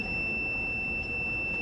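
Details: Hospital bed or monitor alarm sounding in the hospital room of a patient with chronic illnesses on pain medication and feeds: a steady high-pitched electronic tone, continuous over room noise.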